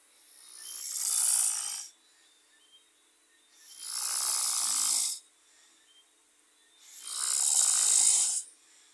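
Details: Sleeping person snoring: three long, harsh, hissy breaths about 3 seconds apart with quiet gaps, noisy airy snoring at about 19 breaths a minute.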